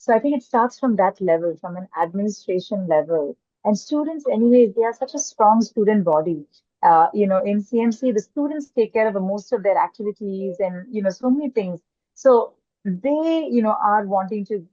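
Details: Adult woman speaking; typical speech.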